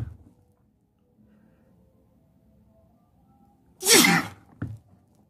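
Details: A single loud, explosive sneeze followed by a short sniff in a quiet room, while sitting on a bed; sneezing.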